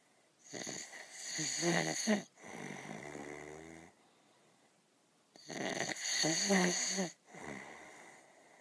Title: Snoring Bear on the Woods - Chilliwack Lake